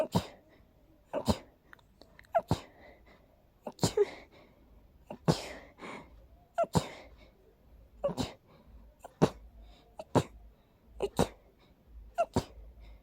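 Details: Adult extremely allergic to daisies smells them deliberately, then sneezes about a dozen short, sharp nasal bursts in quick succession over some thirteen seconds: rapid repeated sneezing.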